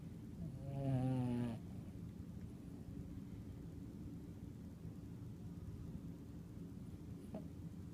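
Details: Dog snoring: one loud, fluttering, buzzy snore about a second long, then quiet low rumbling breathing against room noise.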